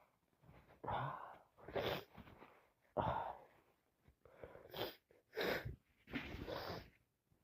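A run of breathy, gasping 'ah' sounds and bursts, like repeated sneeze build-ups and sneezes from allergies.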